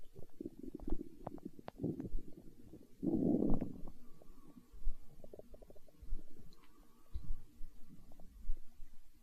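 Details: Stomach growling (borborygmi), hunger sounds from an ASMR recording: low gurgling rumbles and bubbling squeaks with one longer growl.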